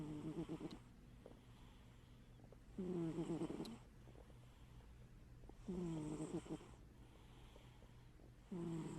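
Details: Sleeping cat snoring with one eye open: regular purring, fluttery snores about 20 a minute, each about a second long; ordinary snoring.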